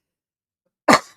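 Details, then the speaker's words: Adult livestream host gives a harsh cough followed by throat clearing. Cough. "Wow, that was a terrible cough. I apologize."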